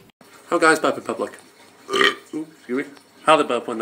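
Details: Compilation clip: several loud, voiced belches in quick succession, deliberate burping.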